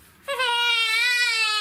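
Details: Sustained, high-pitched, clear-toned wail from a baby girl with colic-type symptoms, worse at night, during a Gonstead chiropractic assessment; infant crying.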